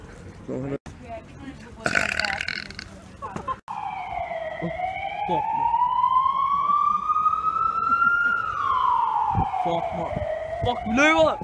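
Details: A long, rising and falling tonal belch-like sound with brief bursts before it, possibly played back rather than natural; burping during a public prank.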